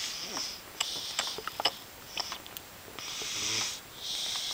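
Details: A person snoring hard during the night: repeated hissing, whistly breaths with a few snuffles and clicks, a wheezy nasal quality; snoring.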